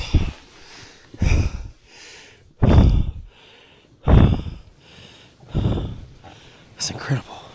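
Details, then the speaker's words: Heavy breathing while lying in bed at rest at Camp 3 on Mt Everest without an oxygen mask: loud, deep, labored breaths, about 20 a minute, each with a forceful breath out. "I can't believe this my respiration just lying down in bed at Camp 3 wow it's amazing tell you I don't breathe this hard when I'm Marathon"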